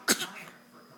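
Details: Young child gives one brief, sharp voluntary fake cough on request.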